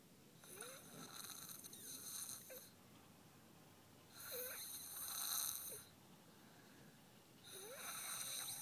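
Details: Light snoring: three hissy, whistling breath sounds with a faint rattle, about 19 a minute, in a quiet room.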